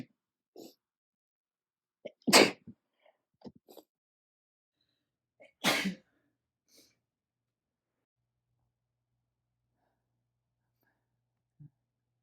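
Two loud, sharp sneezes, each led in by a quick intake of breath, with quiet sniffs and breaths between.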